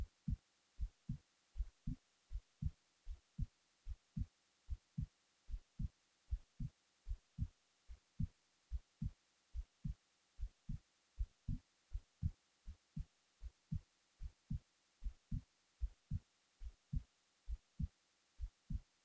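Steady low double thumps of a resting heartbeat at about 76 beats a minute.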